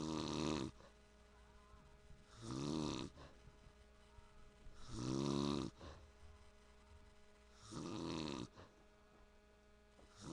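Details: Adult man (dad) snoring: four deep, rattling snores on inhalation, about one every 2.5 seconds, over a steady low hum.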